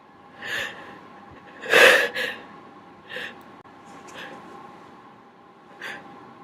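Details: Sneezing triggered by tickling the nose with a q-tip: a few short, sharp nasal bursts with one louder explosive sneeze in the middle, over a steady low background hum.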